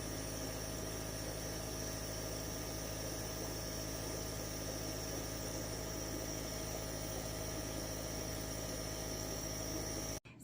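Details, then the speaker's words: Nebulizer compressor running with non-prescription saline for a pregnant feral cat with an upper respiratory infection, on antibiotics, unable to breathe through her nose: steady mechanical hum with fast buzzing vibration, about 10–12 minutes of mist. "I was super worried that she was going to be scared of the noise that the machine makes, but she surprised me and I was able to get probably 10 to 12 minutes of the mist going at her without her getting upset."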